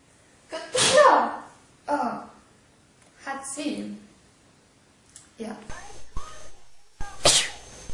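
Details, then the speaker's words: Young women sneezing in a quiet room: a series of sneezes, several with a voiced lead-in, from more than one person. "I need to sneeze. Okay. That hurts. uh-oh. Sneezing is fun."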